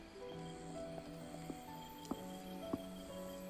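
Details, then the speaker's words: Adult with a recurring jaw problem (wears a night mouth guard, avoids clenching) deliberately provokes the jaw: several short, sharp clicks over background music, a clicking temporomandibular joint. "you hear that that's my jaw clicking I try not to provoke it too bad"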